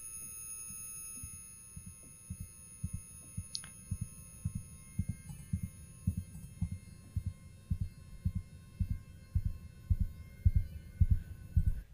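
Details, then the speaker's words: Film scene simulating tinnitus after heavy gunfire, with temporary noise-induced hearing loss: steady high-pitched ringing tones over muffled low thumping. "he was shooting a lot of gunfire and you can listen here to the sound of tinnitus."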